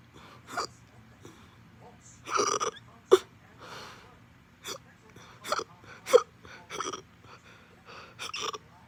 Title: extreme hiccups after eating